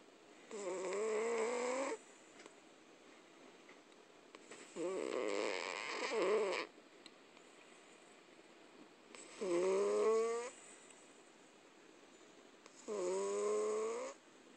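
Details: Cat asleep in owner's arms on a couch, with loud, tonal, buzzing snores, four in about fifteen seconds, roughly 16 breaths a minute, with quiet gaps between; cat snoring.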